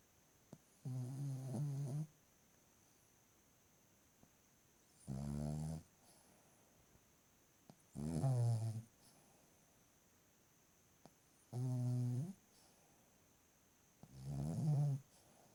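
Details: Five low, buzzing snores, about nine a minute, with quiet gaps between breaths; ordinary night-time snoring in a sleeping 2-year-old female Cavalier King Charles Spaniel.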